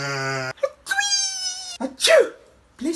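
A loud sustained vocal wail followed by a sharp sneeze-like burst with a falling voiced tail; sneeze sound mixed with exaggerated vocalizing.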